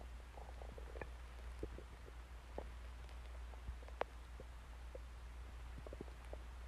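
Soft gurgles and brief squeaky rumbles over a steady low hum; ordinary stomach growling from gas and fluid moving through the gut.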